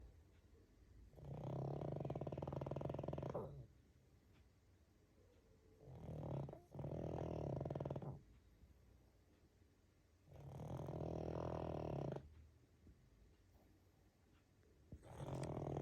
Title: Snoring pug